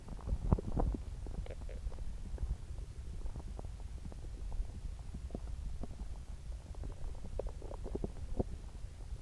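Continuous low gurgling and rumbling from the abdomen with scattered bubbling pops, typical of loud bowel sounds.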